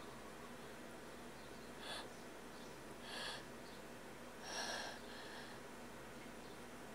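Three soft, brief sneezes over a steady background hiss.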